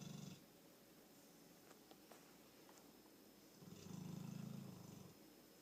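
Two low, rumbling, purr-like snores separated by a quiet pause, typical of an animal snoring during sleep.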